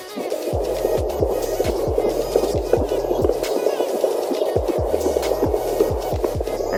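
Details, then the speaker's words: Twin pregnancy, home fetal Doppler: rapid, regular whooshing thumps at about 158/min, a galloping fetal heartbeat. "so what I'm looking for is like a little galloping sound"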